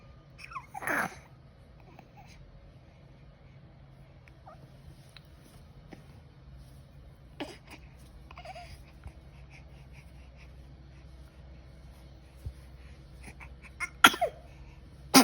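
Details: A baby gives a few short, sharp sneeze bursts in a quiet room with a low hum: infant sneeze.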